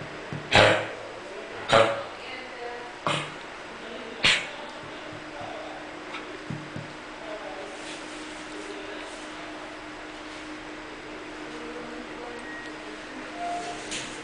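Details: A dog with kennel cough gives four harsh, dry, honking hacking coughs about a second apart, followed by quiet room noise.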